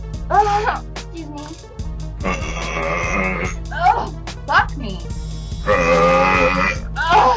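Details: A girl gives long, loud, rumbling burps between brief spoken bits, saying excuse me, with music playing underneath; repeated belching.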